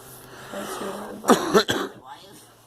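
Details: A girl gives a quick run of about three short, voiced coughs in a small, quiet room: cough.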